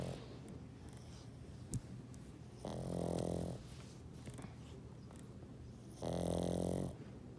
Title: Snoring Pug